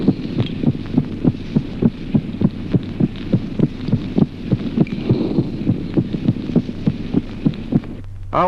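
Regular heart sounds over a steady hum, with a brief extra click late in systole just before the second sound: a late systolic click.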